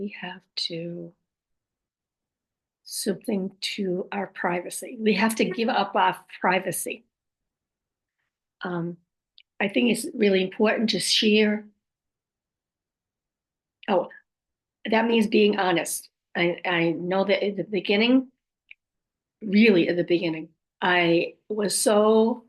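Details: Adult woman about 5.5 years after a stroke, with aphasia, apraxia of speech and dysarthria; her speech can sometimes be hard to understand; post-stroke aphasia with apraxia of speech and dysarthria.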